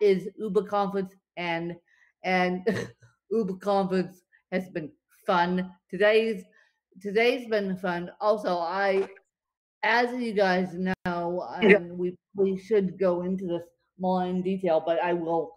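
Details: Dysarthria from cerebral palsy affecting limbs and brain in a female speaker; she reports speech more tongue-tied than usual after a bad spasm day.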